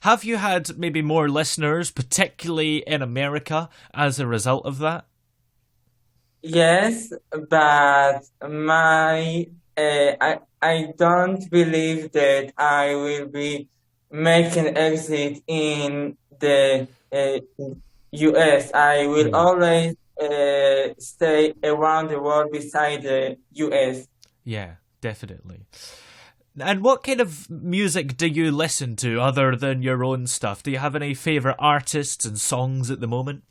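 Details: Israeli male musician who says he has stuttered for almost 21 years; stuttering.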